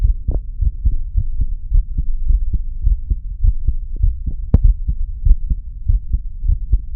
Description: Nice relaxed heartbeat today 😀